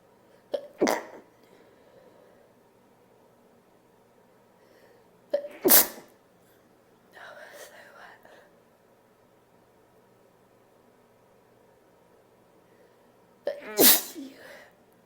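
Three forceful sneezes, each with a sharp in-breath before it, and a short nose-blowing sound between them in a quiet room.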